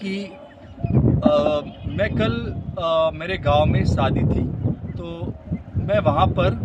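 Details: Adult man who stammers demonstrating pre-block correction, pausing, relaxing and breathing before a feared word while speaking Hindi; stuttering (fluency technique demonstration).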